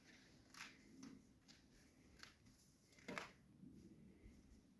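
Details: Person whose test results came back and who was given antibiotics by a doctor: quiet, repeated short coughs and throat clearing in a small room, a persistent cough.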